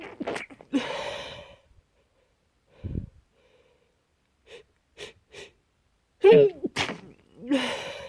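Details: Several sneezes, some loud and open, others deliberately stifled and muffled into short soft bursts with quiet gaps between; an old recording of someone trying hard to be quiet.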